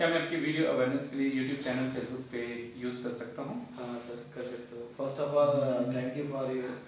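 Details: Adult man speaking; typical adult male voice.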